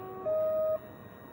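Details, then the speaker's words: Syringe pump in a new PCA (patient-controlled analgesia) pump setup, with a 50 ml syringe and lines already primed manually: a brief steady motor tone as the drive automatically takes up slack at the back of the syringe, so no line purge is needed. "it will hear a little which is the automatic take-up of the slack, so you don't have to purge the lines."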